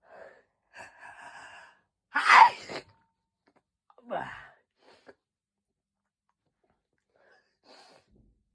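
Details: Sudden hay fever sneezes: quiet gasping in-breaths, then two sharp explosive sneezes in a quiet room.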